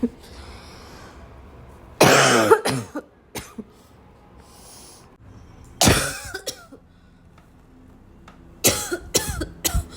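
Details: Person with a barking cough, feeling like choking on it: three bursts of hard, harsh coughing, each several coughs in a row with gasping between; a forceful repeated coughing fit.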